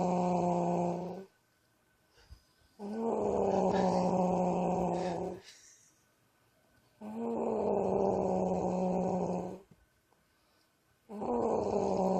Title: The wife snoring